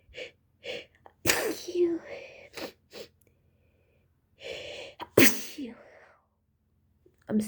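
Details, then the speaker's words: Girl with a cold since yesterday, who also has allergies, has a sneezing fit she can't hold in: several sharp, explosive sneezes with breathy inward gasps between them. "Okay, guys, I caught a fit, I think. I caught a fit. Oh, guys, I can't stop. I'm trying to hold in my sneezes, but it doesn't work, you guys."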